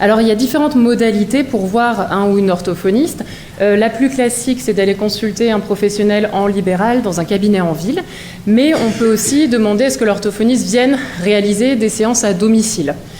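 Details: Adult woman speaking French; normal speech.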